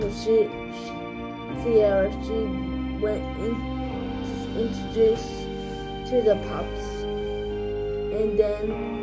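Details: Adult speaker narrating over background music; dysarthric speech (cerebral palsy).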